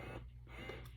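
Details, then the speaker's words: Ardo Calypso piston-driven, closed-system breast pump running at maximum vacuum and maximum cycle speed: a soft, low motor hum, quiet enough to talk over. "the do thing that I do like about this pump is it is very quiet yeah that's it you can hardly hear it so even when you cycle quite fast and have the vacuum quite strong"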